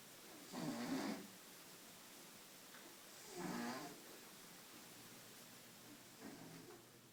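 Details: Figaro, a cat who snores all the time, sleeping in the shower: three soft, rough snoring breaths about every three seconds against steady room noise.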